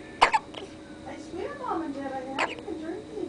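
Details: A female gives loud hiccups: two quick, sharp hiccup sounds, then another a couple of seconds later, with faint talk in between.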